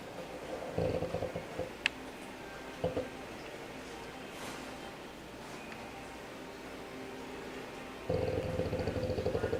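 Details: Sleeping pet animal snoring, described as dreaming: soft, rattling, purr-like snores in a quiet room with a pause in the middle.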